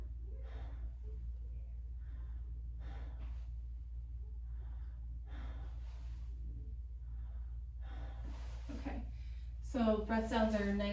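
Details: During a full body physical assessment, repeated deep, soft breaths over a low room hum with a brief voice at the end; clear normal breath sounds without crackles or wheeze.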